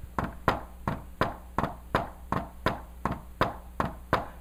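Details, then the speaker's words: Imitated (vocal) heart sounds, about 82 a minute, with an S4 falling just before S1, like "Tennessee"; teaching demonstration, not a real recording. "now S4 is so close to S1 that when I do it real fast you might not even notice"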